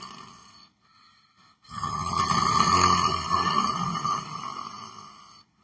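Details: Snoring while sleeping sitting on a chair: a long, rough, rattling breath through the nose and throat with a steady buzz.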